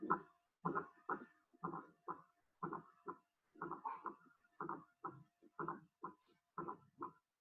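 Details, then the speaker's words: Fourth heart sound (S4, atrial gallop): soft, dull heartbeats about 60 a minute with an extra low-frequency diastolic sound just before S1, from atrial contraction, heard with the stethoscope bell; described as always pathological, e.g. in ischemic heart disease. "es un sonido diastólico que tiene bajas frecuencias se produce en la fase de llenado rápido activo es como consecuencia la contracción auricular que te escucha justo antes del primer ruido cardíaco"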